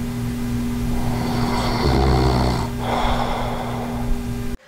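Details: Adult with sleep apnea sleeping with an anti-snoring mouthpiece: a single low, rough snoring inhalation over steady hum.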